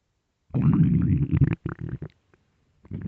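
Low, rolling gurgles over about a second, then shorter bubbling rumbles; ordinary stomach growling from gas and fluid moving through the gut.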